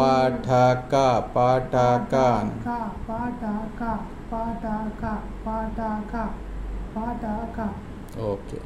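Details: Adult male patient with voice therapist; Puberphonia.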